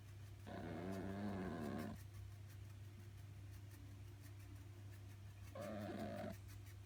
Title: Exotic kitty Sophie snoring